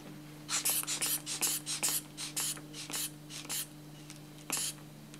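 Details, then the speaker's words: Manual blood pressure cuff pumped by hand bulb toward 180 mmHg, stethoscope in ears, when taking resting blood pressure: repeated soft hissing squeezes, about two a second; sphygmomanometer cuff inflation. "so it's pretty simple you simply just pump up and you'll notice as we increase the actual pressure in the cuff we'll take it up to roughly"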